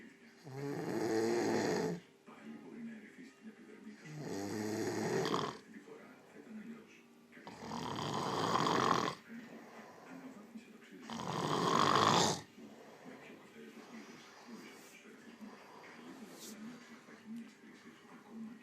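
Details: Four long, loud, rumbling snores about every three to four seconds, with faint background sound between; snoring.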